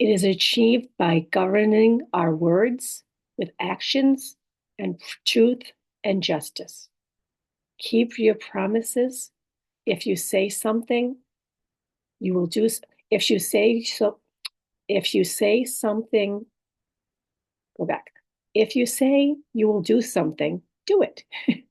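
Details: Adult woman, stroke survivor, living with apraxia of speech, dysarthria, aphasia and other communication disorders; aphasia with apraxia of speech and dysarthria.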